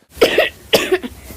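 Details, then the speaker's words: Child with chronic persistent wet cough, presented as the main symptom of bronchiectasis: two loose, rattly, mucousy productive coughs with phlegm build-up. "children with bronchiectasis will feel well most of the time but the main symptom to look out for is the chronic persistent witkoff"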